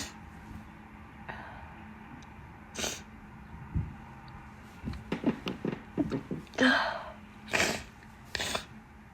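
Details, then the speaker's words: Person with pollen allergy and an itchy nose deliberately stifling sneezes: several short, muffled sneeze bursts held back through a closed mouth and nose, with breathy catches between, in a quiet room. "I'm going to try stifles a bit."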